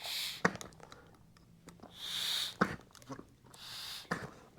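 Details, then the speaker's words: Bag valve mask (manual resuscitator with mask and reservoir) squeezed three times with pop-off valve open: short hissing bursts, each with a squeeze and clunk, as the valve vents excess pressure. "The best thing for the patient is to have the popoff valve open. When the popoff valve is open,"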